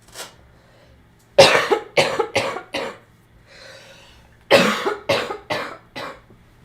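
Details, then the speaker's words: An adult still getting over an illness coughs in two bouts of about four coughs each, separated by a breath in; the cough is wet and phlegmy. "Excuse me. Still getting over a cough."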